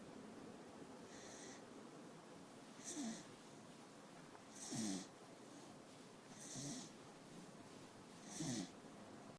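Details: Old dog snoring in sleep: soft, rough snoring breaths about every two seconds, around 33 a minute, over steady room hiss.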